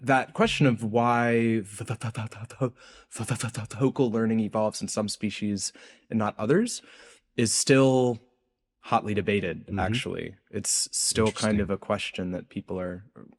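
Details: Adult researcher who says he has a speech impediment heard throughout the interview; word repetitions in this stretch; stuttering (disfluent speech).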